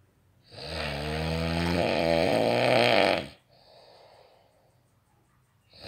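One long, loud, rumbling snore on the in-breath, ending with a fluttering rattle, followed by a quiet out-breath. Snoring.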